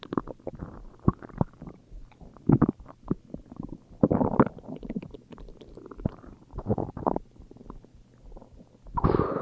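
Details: Irregular gurgling, rumbling bursts and squeaks of gas and fluid moving through the gut; ordinary stomach growling (borborygmi).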